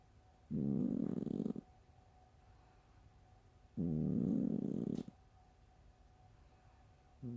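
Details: Sleeping cat snoring: two long, low, buzzing snores about three seconds apart, each about a second long; snores said to sound like farts.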